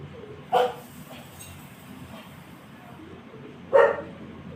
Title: tickling sneezes.